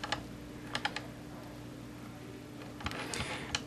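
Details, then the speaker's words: YAG laser vitreolysis of a C-shaped Weiss ring eye floater, microphone right next to the laser: sharp isolated clicky, snappy shots over a steady low room hum while the patient looks down and straight ahead. "have the microphone is sitting right next to the laser so this these little clicky Snappy things that we're hearing in sound like you know you're blasting a photon Cannon or something at it it's a little daunting"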